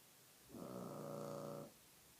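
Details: Dog snoring: one loud, steady, rumbling breath lasting about a second over quiet room noise.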